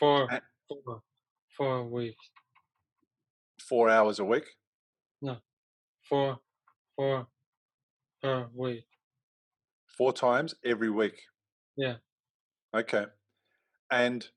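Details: Expressive aphasia in a young male about 3 years after a stroke from a ruptured arteriovenous malformation at age 15 that caused a coma; a problem getting words out rather than understanding.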